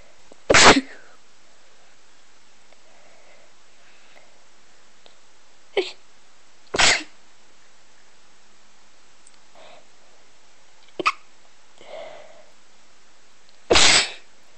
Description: I made a heap of recordings and chose a few different sounding sneezes.